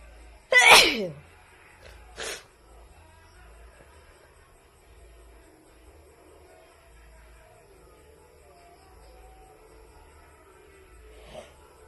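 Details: One forceful, explosive sneeze with a brief follow-up burst, then a quiet room; a woman sneezing again.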